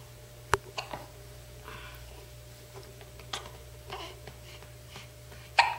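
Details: Eight-day-old baby boy with hiccups while being bounced by his grandmother: several sharp, brief throat clicks at irregular intervals with quiet room noise between them.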